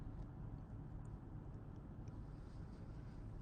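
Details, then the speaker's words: Adult with a scratchy throat and possible cold, talking while riding in a car: steady low road rumble, then one sudden loud explosive sneeze, cut off abruptly; described as a strong sneeze. "wow, that was a that was a strong sneeze."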